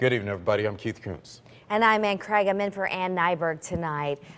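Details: Adult male and female news presenters; normal speech.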